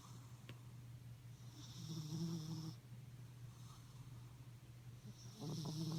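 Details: Low rumbling snore with steady drone and louder nasal snorts on each breath; a sleeping cat snoring heavily.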